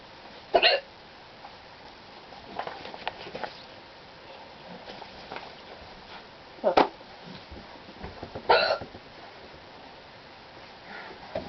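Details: Hiccups that began suddenly while cleaning a room: three sharp, sudden hiccups a few seconds apart, with quiet room noise and soft voice sounds between; ordinary hiccups.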